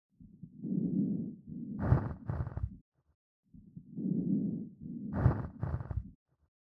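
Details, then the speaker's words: Pleural friction rub: coarse, creaking, grating, continuous low-pitched chest sounds in inspiration and expiration, likened to footsteps in fresh snow or walking on creaky wooden boards; real-life lung sound example. "ʻO ka hōʻuluʻulu manaʻo, ʻo Pleural friction rub he leo hoʻomau a haʻahaʻa i hoʻohālikelike ʻia me nā kapuaʻi wāwae i ka hau hou a i ʻole ka hele ʻana ma luna o nā papa lāʻau creaky."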